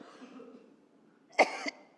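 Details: Adult woman's cough after shouting during a political speech, voice hoarse: quiet breathy voicing, then a single sharp cough burst with a short rasping tail.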